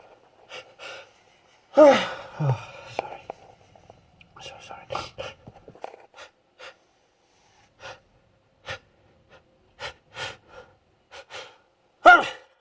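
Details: Several forceful sneezes with gasping in-breaths and short clicks between them; deliberately provoked allergic sneezing fit from sniffing pollen/flowers.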